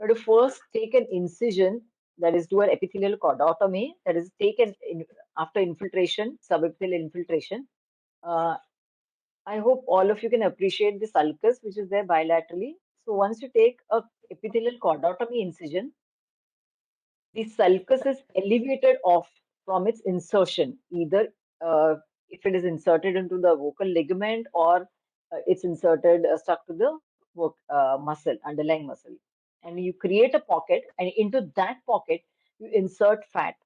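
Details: Adult woman lecturing; Normal voice.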